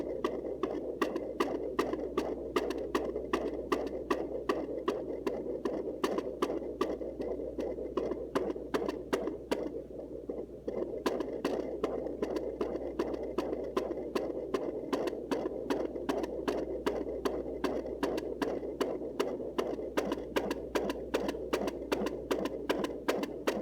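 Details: Fetal heartbeat recorded at home with a Sonoline C fetal Doppler: rapid, regular, about 154 beats a minute.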